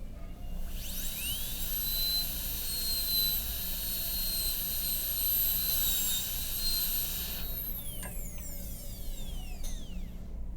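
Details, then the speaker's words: High-speed dental handpiece whine winding up, cutting and spinning down, shaping the facial margin of an MOD class II preparation on tooth 29 in an Acadental typodont; simulated teaching demo. "Go to the facial margin, cut straight in. So it starts out, it's going to be a little bit obtuse. So we'll adjust it a little bit at a time."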